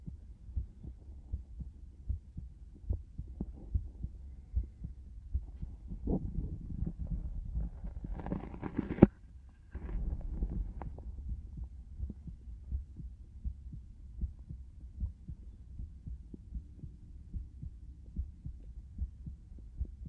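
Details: Steady, regular heartbeat through a stethoscope, about 75 beats a minute, with a brief burst of rubbing noise, recorded as binaural ASMR.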